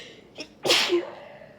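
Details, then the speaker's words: Adult with bad pollen allergies, sneezing next to an open window that set off an attack, trying to sneeze into tissues: a short catching inhale then one loud, harsh, unstifled allergic sneeze. "oh sorry they sound so uh harsh I'm trying to sneeze into some tissues to make them a little less loud but they just mode next to my window"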